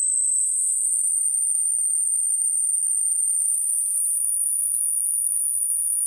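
A steady, very high-pitched pure tone that climbs slowly in pitch, used as a hearing-age test tone.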